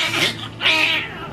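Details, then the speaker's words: Two thin, high-pitched wails from a newborn girl just after induced delivery with Pitocin; healthy first cry, baby described as healthy and strong. "good she's crying she's she's figuring out she kept trying to shake hands with me this whole time"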